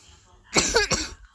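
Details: A single short, harsh cough in two quick bursts with a voiced throaty edge, recorded at home with a younger sibling making noises in the background.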